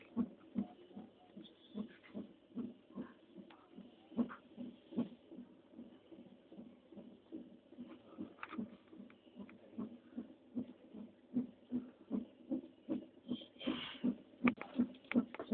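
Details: Fetal heartbeat on a CTG monitor: rapid, galloping whooshing beats at about 150 a minute.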